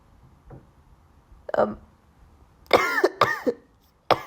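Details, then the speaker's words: Person with allergy symptoms, possibly from their cat, after a recent cold, during sneezing fits: several loud, voiced coughs and throat-clearing, about five bursts, in a small room. Coughing. "sorry I don't know why I'm coughing but like it's it's really it's really hard to like talk when you and you have to sneeze"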